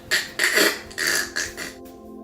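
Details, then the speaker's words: Imitated choking of obstructive sleep apnea, where the upper airway collapses during sleep: four harsh, snorting gasps in quick succession, mimicking airway collapse. "obstructive sleep apnea syndrome that is the condition whereby the upper airway collapses while the patient is asleep and what happens is the patient chokes like this"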